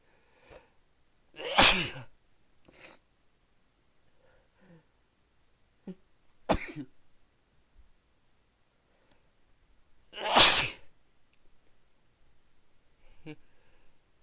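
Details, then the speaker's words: Person who has been sneezing all day and can't stop: three loud, explosive sneezes, each led by a short inward breath, quiet sniffs between; sneezing. "Oh man, I can't stop sneezing."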